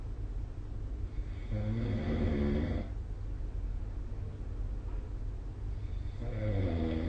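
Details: Snoring recorded with the SnoreLab smartphone app during sleep: low, fluttering snores on each in-breath, two in seven seconds, over steady room hiss.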